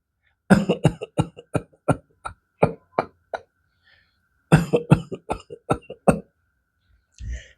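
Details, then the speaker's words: Imitated cough of alveolar or interstitial disease such as pneumonia, pulmonary fibrosis or heart failure: no deep inhalation first, then a run of multiple short, weak coughs. "In these patients, the cough is very classical. Let me show you how. The patient does not take a deep inhalation and gives multiple weak coughs like this."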